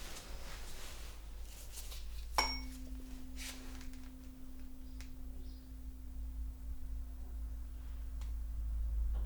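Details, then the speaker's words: Simulated ASMR chiropractic shoulder and neurological exam: a struck tuning fork is placed on bony prominences to test vibration sense, ringing as a steady low pure hum that slowly fades. "I'm going to create a vibration sound and I'll put it on the bony prominences let me know if you feel any kind of pain okay"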